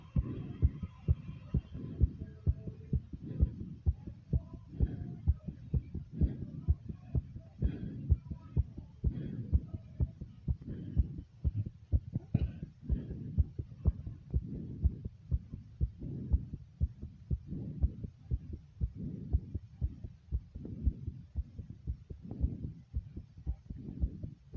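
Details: Rapid, strong low thumps of an adult heartbeat, roughly 120 to 125 beats a minute, pounding and fast. Fast heartbeat, tachycardia.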